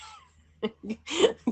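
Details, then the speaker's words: Several short cough bursts from an adult who says the cough is getting deep and fears getting sick, one slightly longer and deeper, like a developing cold: cough. "to that's the cough you hear that little that it's getting deep guys I don't want to get sick"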